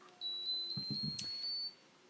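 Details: Kangaroo Joey Junior enteral feeding pump being set up for a child's tube feeding, switching on: a steady high electronic tone of about a second and a half with a few soft clicks.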